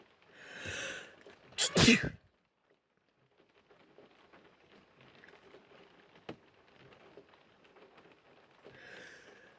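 A breathy intake followed by one loud, explosive sneeze, then quiet and a soft exhale.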